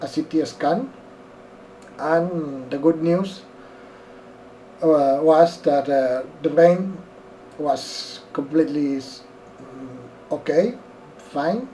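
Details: Dysarthria from left-sided Bell's palsy (facial nerve palsy) caused by an acute middle ear infection, in an adult male non-native English speaker in his first week after onset, with no left lip movement and a numb, poorly working tongue.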